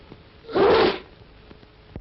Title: Coughs, Sneezes, and Jet-Propelled Germs: Two Public Service Films by Richard Massingham (1945)